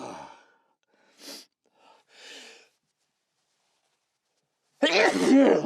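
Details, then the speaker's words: Recorded in a sound-treated room: soft breathy intakes and faint hisses after an earlier burst, then a sudden loud explosive sneeze; the sneezer reports a burning at the roof of the mouth and a tickle on sniffing. "That was fierce and quick. [Laughter] Whenever I sniff up, it starts to tickle."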